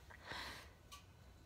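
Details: A brief forceful nasal snort followed by a short sniff, nasal clearing before a sneeze, from a person who felt a sneeze coming on and says the sneezes get more intense when there is a lot of noise around.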